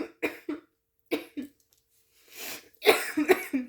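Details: Adult coughing during a spoken rant, coughing throughout: two pairs of short dry coughs, a breath in, then a louder cluster of three or four coughs; repeated dry coughing.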